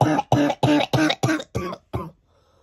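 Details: Child with a worsening cold and temperature, cough keeping them awake at night: a run of seven loud, harsh coughs in quick succession, fading toward the end.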